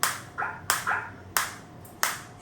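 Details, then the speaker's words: Biotronix focused (not radial) shockwave therapy device in R7 mode at intensity 3, demonstrating shot delivery: sharp snapping clicks at roughly one to two per second with faint tones between, i.e. the applicator firing. "so I will start the same and you will if I put the same you can see this is green now and I am getting the shot so I'm getting the"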